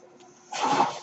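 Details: Ventilator noise during the male podcast host's speech, which he says comes from his own ventilator: a real mechanical ventilator breath cycle.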